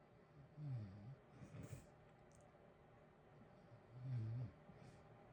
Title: natural snoring ambience with heater white noise in the background blue wavey lights. Sleeping good